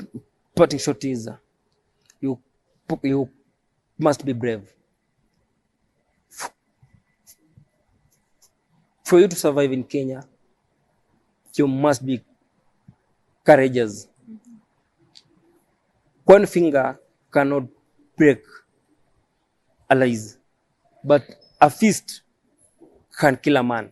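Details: Adult man who has stammered since age 3, believes his stammering is neurological (born with it), describes prolongations and added syllables; stuttering (stammering).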